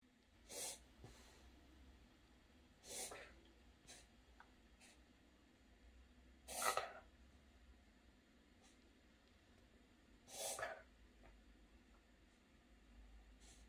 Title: canine reverse sneeze